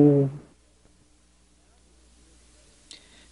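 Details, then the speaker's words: Spoken letter "E" heard through stethoscope over healthy lung side, muffled but still sounding like "E": normal voice transmission, no egophony, contrasted with consolidation. "first you will hear the letter e spoken over the healthy side"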